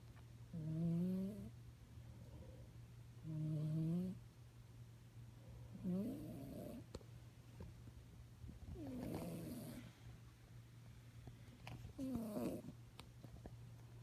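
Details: Soft, uneven snoring, about 22 per minute, over a steady low hum; sleeping snorer.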